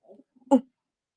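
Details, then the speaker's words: Borborygmi during a live stream: a brief, low, squelching stomach gurgle that the woman herself points out as her stomach growling. "꼬르륵 소리예요. 축하드립니다. 그렇게 듣고 싶으셨던 꼬르륵 소리."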